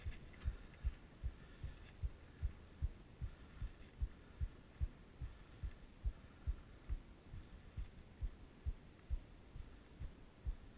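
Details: Heartbeat of a rider filmed with a GoPro during a trail ride: regular low thumps at about 75 beats a minute under steady wind and riding noise; normal heartbeat during exercise.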